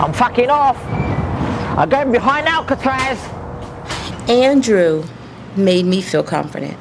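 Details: Vocal tics with coprolalia in an adult man with severe Tourette syndrome diagnosed at age 13, with involuntary vocal outbursts during a phone call.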